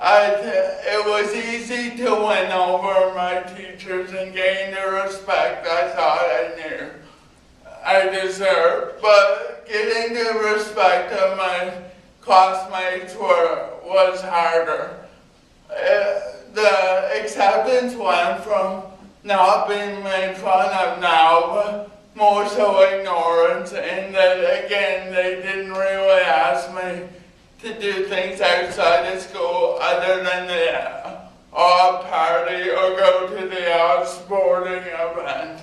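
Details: Dysarthria from spastic cerebral palsy in an adult man, present from birth due to lack of oxygen (umbilical cord around throat); had extensive speech therapy.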